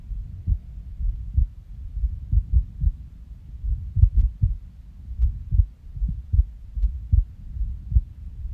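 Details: Resting heartbeat recorded after waking from a nap, with skipping: soft low beats with uneven spacing and occasional longer gaps fitting skipped beats; faint stomach rumbling in background.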